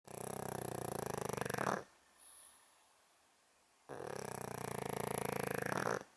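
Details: Sleeping and dreaming senior female pug, 11.5 years old: loud snoring.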